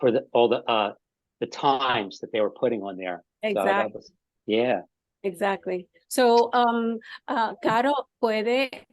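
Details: Adult man with aphasia after an ischemic stroke five years earlier, speaking haltingly with frequent pauses and fillers; aphasia.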